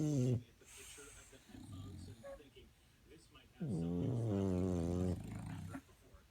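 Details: Dog snoring while asleep: loud, rough, rumbling snores in long drawn-out breaths, with quieter snuffling between them.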